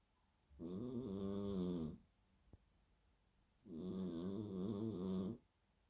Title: Victor snoring again #cat #shorts